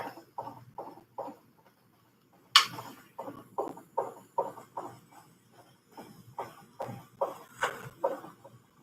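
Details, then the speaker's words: Fetal heartbeat on a monitor: rapid, regular whooshing pulses at about 150 beats a minute. "the baby's heartbeat I hope you guys can hear it on there"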